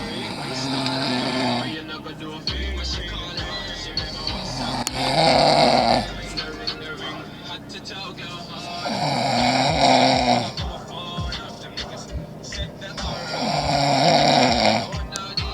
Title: Guys snoring like a madman must-see hilarious